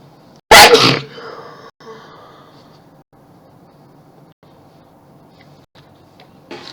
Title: Tons of Sneezes and Mess!!